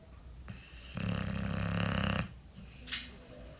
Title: casper snores